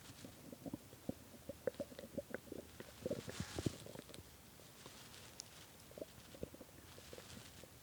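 Rapid clicking gurgles and small pops over a soft hiss, busiest in the first half; hungry stomach gurgling.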